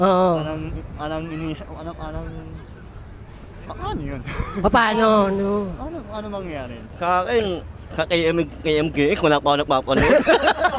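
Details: Young Filipino man, self-described 'ngongo' (nasal-voiced), with palate (ngala-ngala) surgery in childhood and late speech development; hypernasal speech with cleft palate articulation.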